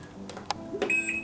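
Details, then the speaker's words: Inogen G5 portable oxygen concentrator used by a patient with severe emphysema, COPD and fibrosis: a button click, then short electronic beeps and a steady tone as it powers on and reports battery at 78 percent. "I press the on and off switch like that it will tell me that I can't see but it will tell me the states of the battery and this one is 78 percent"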